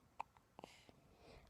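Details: Infant almost one month old (three days short) with repeated hiccups: several brief, soft catching sounds in a quiet room.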